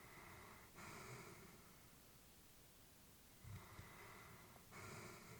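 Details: Elderly female Labrador, about whom the family was worried, sleeping peacefully: two soft, slow, even snorting breaths against room noise. Light snoring.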